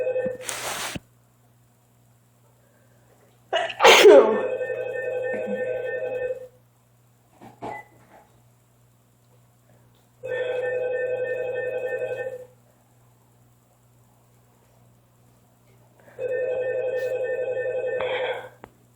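Several sharp, explosive bursts with breathy intakes between them, heard as a bout of repeated sneezes; a steady tone-like sound is also present.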